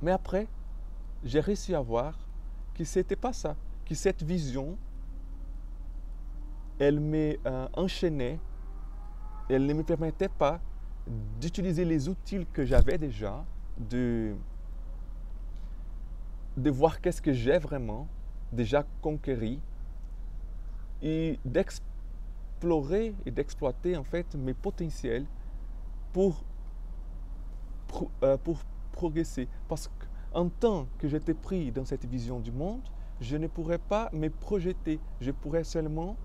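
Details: Stuttering in an adult man speaking French, who describes his stuttering as having blocked him from expressing himself fully.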